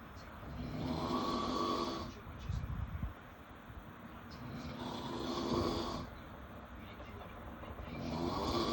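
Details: Snoring at 3am: loud, rough, rumbling breaths rising and falling in slow cycles about every four seconds, roughly 15 a minute.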